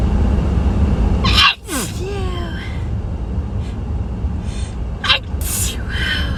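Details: An adult chronic sneezer with hay fever gives two sharp, explosive sneezes over a steady low background rumble; allergic rhinitis sneezing.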